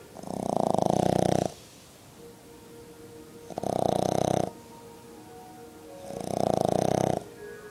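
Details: Snoring in a sleeping 5-month-old Boston terrier puppy: three loud, rattling snores about 2.8 seconds apart, roughly 21 breaths a minute, with faint background sound between them.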